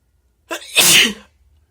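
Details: Person's wet, spray-filled sneeze: a quick intake of breath, then one explosive burst. Nose blows and some coughing occur elsewhere in the recording.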